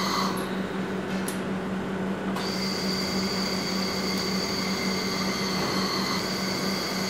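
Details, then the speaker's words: Bird pressure-limited ventilator on a practice test lung after compliance is raised back to 0.05: the inspiratory flow sound grows longer, indicating increased tidal volume that could harm the patient. "สังเกตว่าเมื่อคเพิ่มขึ้นเสียงของเบดจะยาวขึ้นแสดงว่าไvolเพิ่มขึ้นหรือขนาดของถังน้ำใหญ่ขึ้น"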